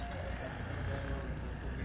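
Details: Percussion massage gun used for myofascial release in thoracic outlet syndrome, following myofascial slings around the shoulder and chest: steady low rumbling motor buzz as the device presses into soft tissue.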